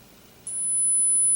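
A steady, very high-pitched pure tone starts about halfway through and holds, a 10 kHz hearing test tone, over faint room noise.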